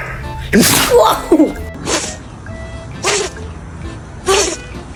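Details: Dog sneezing: four or five sharp nasal bursts in quick succession over music.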